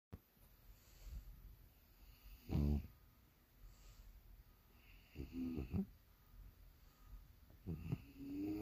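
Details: Bulldog sleeping in the morning, snoring: low rumbling snores every few seconds, irregular, with quiet breathing between.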